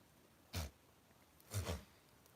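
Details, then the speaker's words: Goats sneezing outdoors on a homestead: three short, sharp snorting sneezes, one then two close together, which the owner attributes to sniffing the grass. "these goats sneezing back here. It's from sniffing the grass."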